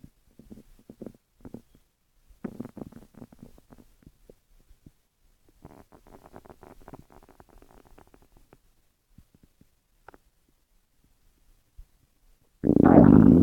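Soft, irregular gurgling and squelching bursts with quiet gaps, ending in a loud rush; bowel sounds of stomach growling.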